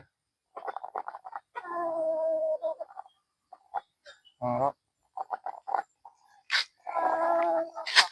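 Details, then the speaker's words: Ailing pet rooster with respiratory disease (snot/CRD suspected), not eating, with mucus in the throat and difficulty breathing: rough, gurgling vocal sounds with a wet rattle, snoring-like breathing. "Si Rama ayam kesayangan saya ini lagi enggak fit ya badannya. Coba bisa dilihat ngorok ya."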